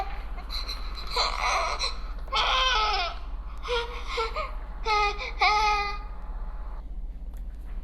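An infant gives five short, fussy cry bursts with breathy 'heh' or 'ha' onsets over a low steady room hum, a discomfort cry.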